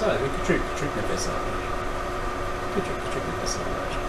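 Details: Child with pediatric vocal fold papilloma; hoarse, rough voice from vocal fold papillomas.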